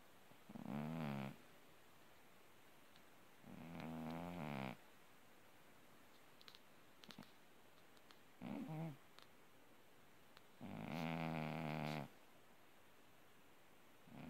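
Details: Orange tabby cat asleep: four soft, buzzing snores at uneven intervals with faint clicks between; snoring.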